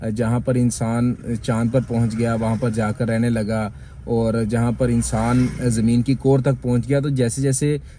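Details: Adult man speaking Hindi/Urdu; typical adult speech.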